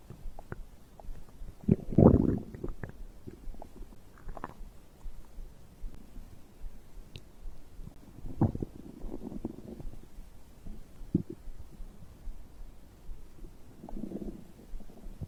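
Low gurgling rumbles and bubbly squelches come and go over steady quiet noise. Ordinary digestive sounds after drinking.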